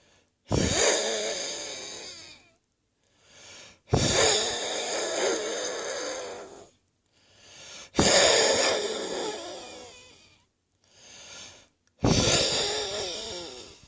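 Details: Wheezing on the chest from a virus, heard in the morning with coughing: forceful breaths out with high musical whistling tones, about 15 a minute, with quieter breaths in between.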